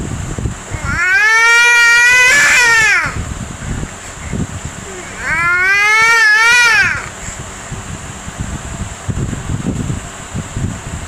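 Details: Baby boy crying in a sing-song way: two long, melodic cries with rising and falling pitch, separated by a pause.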